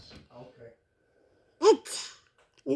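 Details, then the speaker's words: Baby during play gives a short, sharp imitated sneeze, a quick catch of breath and then a burst, that sounds real but is fake. "oh that sounded like a real sneeze but it was fake"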